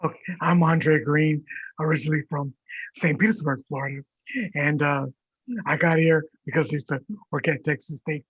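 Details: Adult man with vocal fold paralysis from prolonged intubation; he also has an acquired brain injury from being hit by a truck while cycling.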